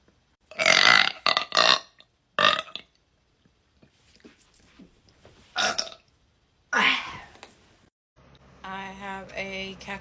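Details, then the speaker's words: Woman burping deliberately after drinking soda and sucking in air: several loud, rough burps in a row, then quieter belches, with a brief burst of music at the end; voluntary burping. "so I'm going to try to show you how like I do the burp so I start with like sucking in air so like when I do it I go like"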